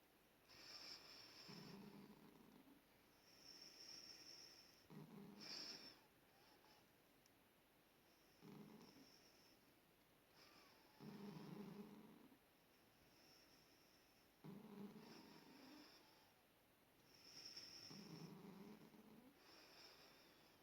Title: sleeping cat snoring